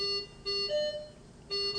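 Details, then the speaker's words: Repeating two-tone electronic low oxygen pressure alarm of an anesthesia machine during the pre-use checkout, after the oxygen pipeline hose is disconnected, tank valve closed and flush valve pressed to bleed oxygen. "close the oxygen tank valve and push the oxygen flush valve to bleed oxygen from the system at this point you should hear and see the low oxygen pressure alarm"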